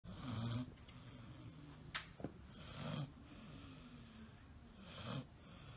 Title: Snoring on his sleepover :)